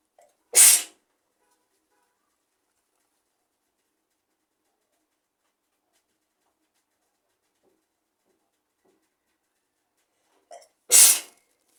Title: Handkerchief sneezes 💕